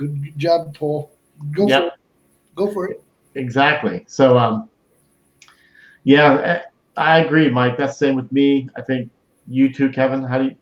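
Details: Adult male stroke survivor with Broca's aphasia for more than 8 years since a stroke on March 22, 2011; speech limited to short utterances, laborious word-finding, verbs harder than nouns; Broca's aphasia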